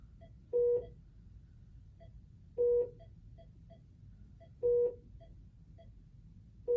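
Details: Training session admitting a patient to a Philips patient monitor, entering name and made-up MRN: three longer beeps about two seconds apart, with short soft clicks between, as touchscreen keys are pressed.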